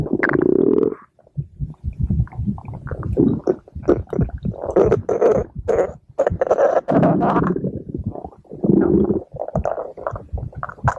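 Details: Stomach growling (borborygmi) from a girl, the speaker's sister: long gurgling rumbles and squeaks from the belly in repeated waves, from gas and fluid moving through the gut.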